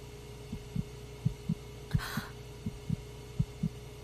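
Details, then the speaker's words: Fetal heartbeat on an ultrasound monitor in a dubbed TV drama (simulated): soft rhythmic thumping over a steady hum, about 140 a minute in paired pulses; the doctor says the baby is fine. "Ez az ő szíve. Bizony, a szívverése."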